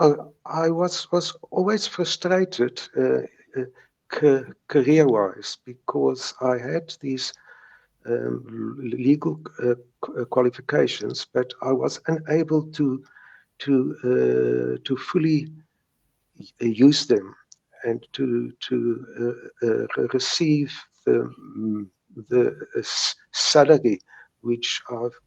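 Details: Stuttering since age three in a retired South African lawyer in his 70s who views stuttering as a mindbody disorder and still has mild speech blocks: stuttering.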